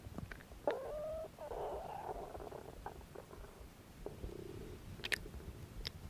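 Soft gurgles and a drawn-out rumbling growl from the belly, ordinary stomach growling.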